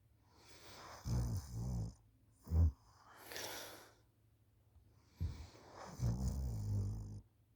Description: I ended up falling asleep and snoring! My mom recorded me this time, I can't believe I snore like this!